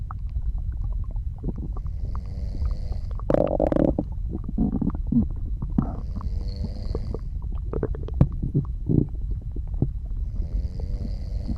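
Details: Bowel sounds (borborygmi): irregular gurgles and rumbles over a steady low background, with soft snores at intervals.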